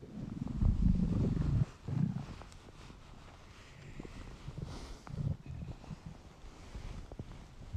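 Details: Low gurgling rumble fading into softer bubbling and creaks; hungry stomach rumbling (borborygmi).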